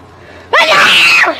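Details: One loud, explosive sneeze with a sharp onset and a drawn-out voiced release after "let me just sneeze real fast," from a voice-changer video; a single sneeze.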